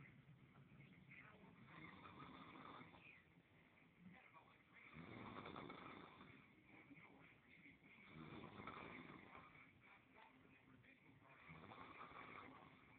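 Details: Soft, steady rumbling snores rising and falling with each breath, about four in thirteen seconds, faintly recorded on an Android phone: snoring.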